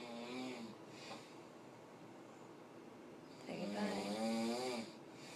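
Two loud, rumbling, voiced snores on breathing in, with a quieter breath between them. Heavy snoring.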